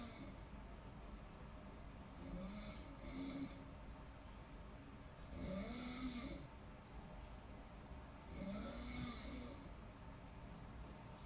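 Slow, regular snores about every three seconds, rumbling on each breath in over a steady background hum; snoring in deep sleep.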